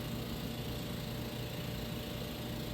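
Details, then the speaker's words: Portable suction aspirator used in home-care respiratory physiotherapy on a child held by a caregiver: steady, continuous motor drone with a faint high whine as it suctions. "Tá? Estão ouvindo o barulho? Ele sugando aqui?"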